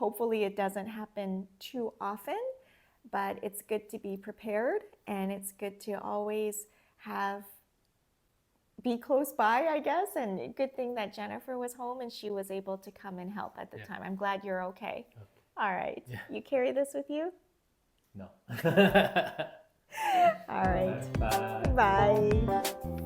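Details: Adult woman speaking; no speech disorder.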